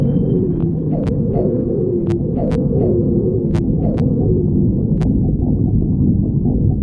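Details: Stomach growling (borborygmi), clip 36: low, continuous rumbling with squeaky, wavering gurgles and occasional faint clicks, ordinary bowel sounds.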